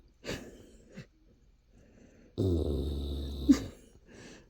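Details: A sleeping adult man's loud, rattling inhaled snore with short snorts and quieter breaths between, loud enough that his wife sleeps on the couch; snoring.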